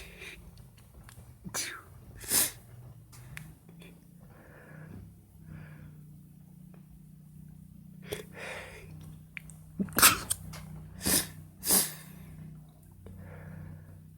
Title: First Sneezing Video - Primer Vídeo Estornudando🙈